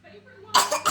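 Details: 3-year-old girl with cystic fibrosis doing airway-clearance physiotherapy with an Acapella device: after a quiet stretch of blows into the device, a short, fairly loud cough, with the cycle then repeated.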